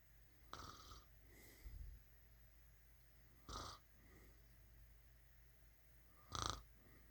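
Three short snorting breaths over about seven seconds against quiet room noise; soft snoring during sleep.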